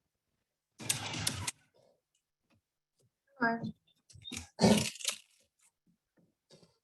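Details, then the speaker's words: A dog with confirmed laryngeal paralysis makes harsh, noisy breaths with a partly honking tone: inspiratory stridor. "So you can hear sort of the roaring sound that Charlie's mom described."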